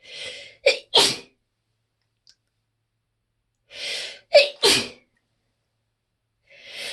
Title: lunch break sneezing fit